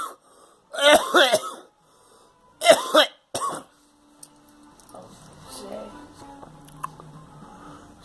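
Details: A girl coughs while someone tells her to "let it out": several harsh, throaty coughs in quick bursts, followed by quiet room noise.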